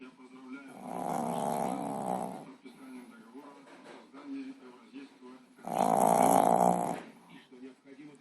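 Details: Snoring while the eyes are open: two long, rough, rumbling breath noises about five seconds apart, over quiet room sound and a television.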